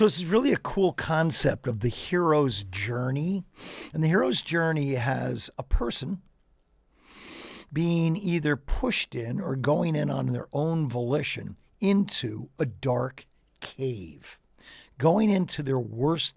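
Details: Adult man with ALS diagnosed four and a half years ago, advanced and nearing end stage, paralyzed from mid-throat down; speaks using a ventilator to inflate his lungs for some voice; dysarthria (ALS).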